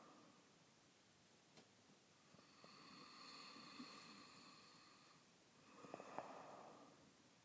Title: Snoring hubby